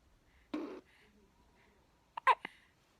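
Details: Two-week-old baby with persistent hiccups: two short, abrupt breathy catches about two seconds apart in a quiet room.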